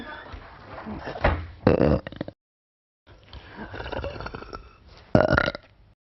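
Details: Woman burping deeply on a reality TV show, from a compilation: two deep, loud, low rumbling belches in a row between stretches of quiet room sound.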